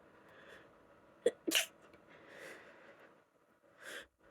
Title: Desperate itchy allergy sneezes(f) talkie and a noseblow #congested #sneeze #female #allergies